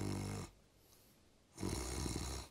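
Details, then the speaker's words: Someone imitating nasal snoring from a vibrating, stuffy nose, as opposed to airway vibration: two rough, low fluttering snore-like breaths separated by a quiet pause. "This is the sound made when the nose shakes. This is the sound I hear when you have stuffy nose You're really good at mimicking snoring"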